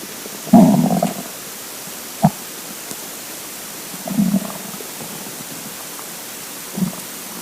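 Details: Hungry empty stomach rumbling: low gurgling rumbles in several bursts over a quiet background; borborygmi.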